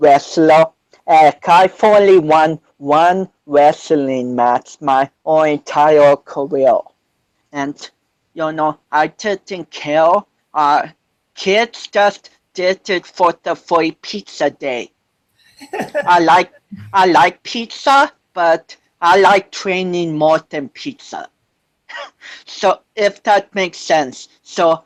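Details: 25-year-old man with cerebral palsy since birth, which he says affects his balance, coordination and speech; doctors said he would never walk, and he is now a powerlifter; speech impairment in cerebral palsy.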